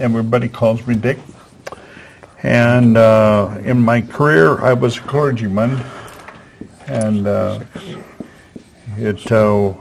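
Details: Aphasia in a man after a stroke at age 73, previously in a professional career.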